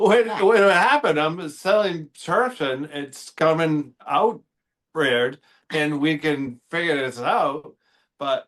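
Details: Real expressive aphasia in an adult male after a stroke affecting the Broca speech center on October 11, 2025.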